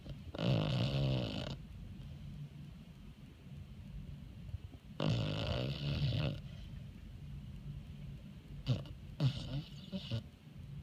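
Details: A senior Beagle (foster dog) sleeping and snoring: low, rumbling snores in separate bursts with quiet breathing between them.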